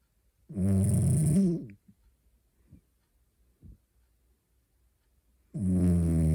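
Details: French Bulldog snoring during sleep: loud buzzing snore on each breath in, near silence and faint snuffles between.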